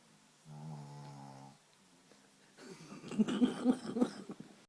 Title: Snoring pugs